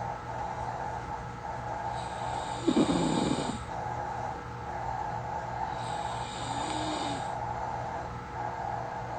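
Two soft, quiet snoring breaths over steady room hum; mild snoring.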